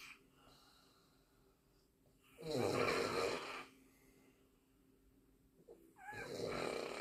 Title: Funny and really loud snoring 😂😂